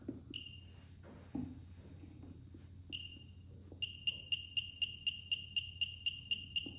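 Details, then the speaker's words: LCS 121 1 MHz therapeutic ultrasound machine demonstrated in pulse mode (power range 0.1–3), using water instead of gel: a few single beeps, then steady rapid regular high-pitched beeps, about four a second. "Now I will show you the output in the pulse mode."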